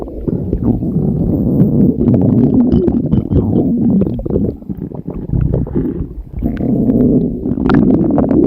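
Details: Loud continuous gurgling and rumbling with bubbly pops, easing briefly then returning: ordinary stomach growling.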